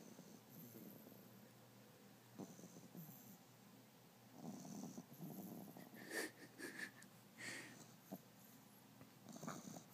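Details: Sleeping French Bulldog puppy snoring: irregular, rough, rumbling breaths with snorty and whistling bursts.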